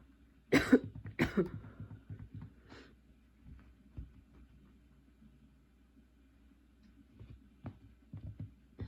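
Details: Two harsh cough bursts trailing into smaller coughs and throat noises, then quieter intermittent coughs: a persistent coughing fit despite medication, recorded while unpacking and getting ready for school.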